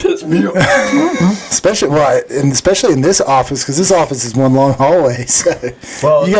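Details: Adult speaker; typical speech.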